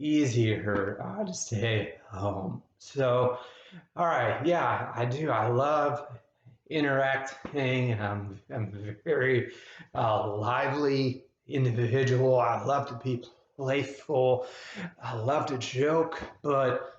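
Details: Adult male with abductor spasmodic dysphonia, a neurological voice disorder, who says talking takes great effort and his voice grows more taxed as he keeps speaking; finding: abductor spasmodic dysphonia.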